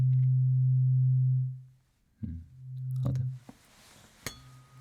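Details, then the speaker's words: Tuning fork tone in an acted, non-professional ENT hearing check for a muffled, plugged ear: steady low pure hum fading out, then fork struck again, ringing briefly as it's brought from far to near the ear. "โอเคฉันจะเพิ่มระดับเสียงของส้อมเสียงฟังอย่างตั้งใจมีความรู้สึกเหมือนมีไดอะแฟรมตรงนี้ไหม?"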